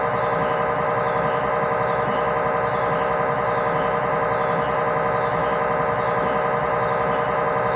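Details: Loud, steady, rhythmic buzzing and knocking, about 90 pulses a minute, recorded inside the scan room of a GE 1.5T or 3T MRI system; usual MRI scan sequence noise.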